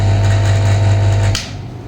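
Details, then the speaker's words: Loud steady low motor hum with hiss that cuts off abruptly; a suction machine switched on for a function check before use on a patient, in a suction practicum. "Nah, ini cara ee indikasi dia bisa menyedot atau tidak dari mana? dari kalau kamu ini. Nah, ini kayak tersedap [musik] ya."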